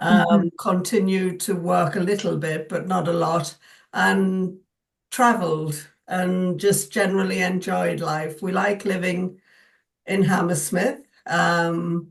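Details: Adult woman; typical speech.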